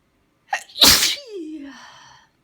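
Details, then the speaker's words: Person repeatedly saying they are about to sneeze: a sharp in-breath, then one loud, forceful sneeze trailing off into a falling voiced sound. "Gonna sneeze. I'm gonna sneeze. Gonna sneeze. Gonna sneeze. I'm gonna sneeze."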